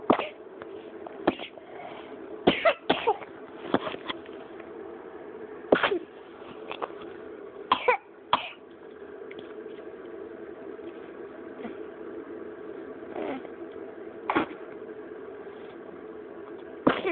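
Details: Repeated short, dry coughs from a child named in the caption, in small clusters, about a dozen over seventeen seconds, over steady room hum; cough.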